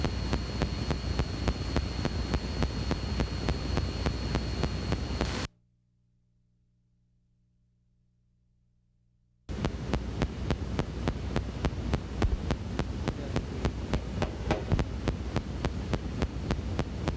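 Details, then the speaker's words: Needle EMG recording of artifact from an implanted spinal cord epidural stimulator: steady, sharp clicks about 3–4 per second over hiss. This is a rare artifact, and the patient should be asked about any stimulator. "Other rare artifacts are artifacts from various stimulators placed in the patient. Again, a high index of suspicion is needed to ask a simple question. Any stimulator? Watch and listen to the artifacts from the spinal cord epidural stimulator."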